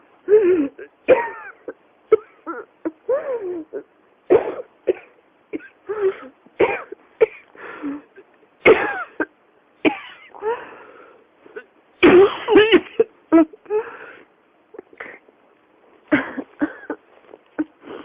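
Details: An adult coughs again and again in short bursts, a persistent coughing fit that won't stop and keeps returning: persistent cough.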